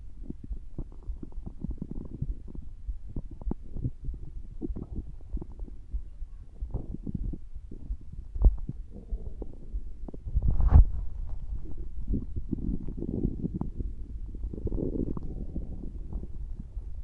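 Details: Low rumbling, gurgling bowel sounds with irregular bubbling pops: ordinary stomach growling.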